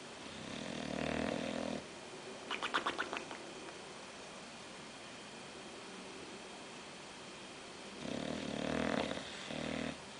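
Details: Bulldog named Oliver snoring in his sleep: two loud, rough snoring breaths with a brief rattling snort between them, typical flat-faced dog sleep breathing.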